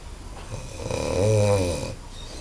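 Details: Person on a farm in Bahia snoring very loudly, measured with a decibel meter: a single loud, deep, vibrating snore that rises and fades over about a second; heavy snoring.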